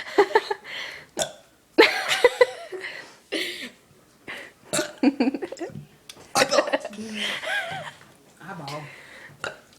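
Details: Repeated loud burps between talking and laughter, from a boy deliberately burping over and over; no clear hiccups.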